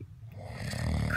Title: My husband snoring part two